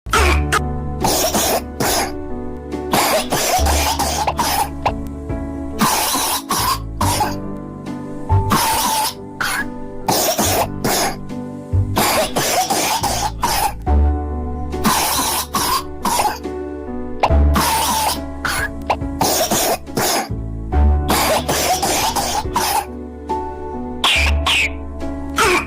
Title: me making my cough more dramatic so i can get more attention 😭😭